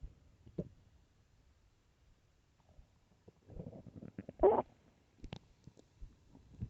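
Soft gurgles and a louder squeaky rumble mid-clip; stomach growling from an empty stomach, a normal bowel sound.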